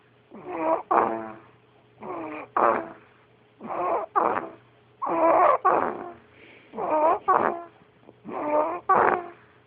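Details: Snoring "like daddy": rhythmic nasal snoring at about 37 breaths a minute, each breath split into two short rasping parts.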